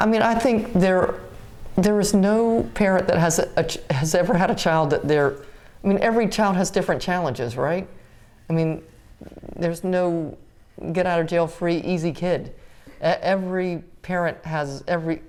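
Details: Adult woman speaking; typical speech.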